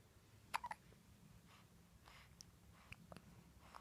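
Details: A baby chatting in a morning session with her mother has a few sharp, abrupt gulping hiccup clicks between soft baby sounds in a quiet room; hiccups.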